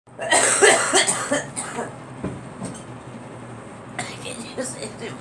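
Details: Girl coughing: a quick run of several harsh coughs, a pause, then two more; faint room noise behind.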